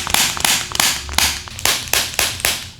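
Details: Joint cavitation: a run of sharp, rapid cracking pops during a chiropractic rib adjustment in a seated man with years of neck pain and inability to turn his neck, after his first neck adjustment.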